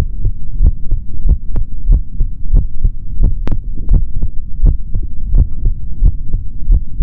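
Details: Normal heart sounds of a male, heard through a stethoscope in an ASMR recording with no talking: steady low thumping, about 90 beats a minute, with a faint hum underneath.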